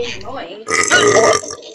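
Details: Gamer burping during gameplay: a brief voice, then a loud, drawn-out, rasping belch lasting nearly a second; burping.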